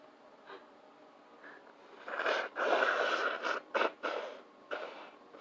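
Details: A few sharp bursts of air through the nose and mouth, each after a quick in-breath; ordinary sneezing.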